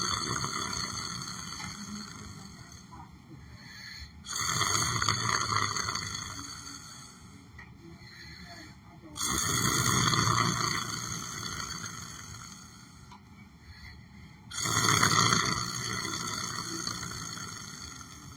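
Three loud, rasping breaths about five seconds apart over a steady background hum; snoring during sleep.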